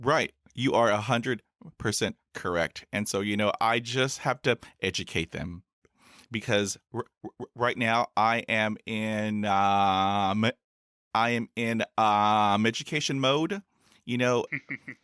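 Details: Real stuttering in an adult man who has stuttered since his school years and has had about 20 years of speech therapy in school, college and the US Air Force.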